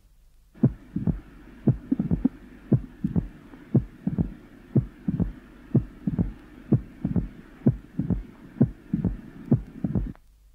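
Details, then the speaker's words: Loud early diastolic pericardial knock following a softer second heart sound, 0.08 s after it, with a loud first sound; 40-year-old man with severe constrictive pericarditis, recorded at the apex in expiration. "the first heart sound is loud which is not uncommon in constrictive pericarditis and the loud early diastolic sound follows the softer second H sound"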